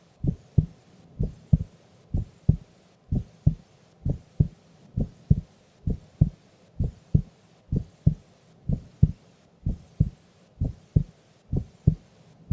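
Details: Female recorded asleep during an afternoon nap: steady two-part lub-dub heartbeat at about 60 beats a minute, even and regular.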